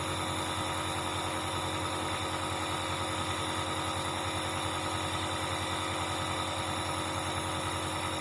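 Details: Dr Trust compressor nebulizer (AC 220 V) running: steady loud buzzing hum of the small compressor motor operating continuously.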